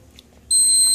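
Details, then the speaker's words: Infinity feeding pump preventive maintenance, second infusion test of 20 mL at 40 mL/h; sudden steady high-pitched electronic tone after quiet as the set dose finishes; pump dose-complete alarm. "So our second infusion test is also finished, and see, it's 20 milliliters, which is what we want."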